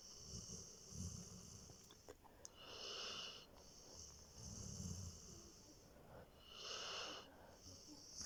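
Slow rhythmic snoring from a sleeping dog, low rumbling breaths alternating with hissy exhalations, about 15 breath cycles a minute.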